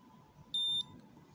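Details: A single short high-pitched beep from a glucometer as fingerstick blood is applied to the test strip, over quiet room noise, during a blood glucose test whose result read 5.4.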